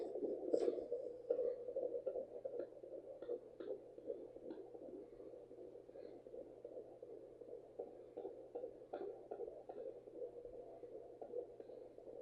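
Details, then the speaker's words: Fetal heartbeat at 15 weeks on a home handheld Doppler, found low on the abdomen of a high-risk mother over 35 with high BMI: fast, rhythmic whooshing pulses through static, about 158 a minute, distinct from her slower heartbeat. "I'm going say that's the baby. All right. So, that is the heartbeat."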